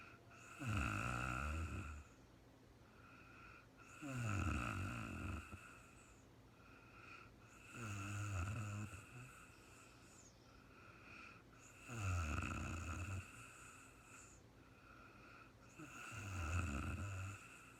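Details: Real-time recording of a sleeping woman, no talking: slow, regular low snores with a rattling buzz, about 16 breaths a minute, over a faint steady hum; snoring during sleep.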